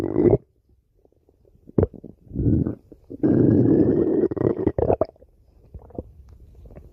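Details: Stomach growling in a sleeping male: low gurgling and rumbling bursts with one long, drawn-out growl in the middle; borborygmi.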